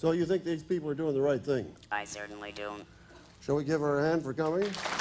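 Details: Adult male speaker (presenter); typical speech.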